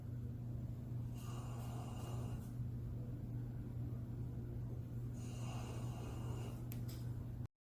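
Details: Sleeping husky puppy snoring loudly: two rough, rasping snore breaths about four seconds apart over a steady low background hum.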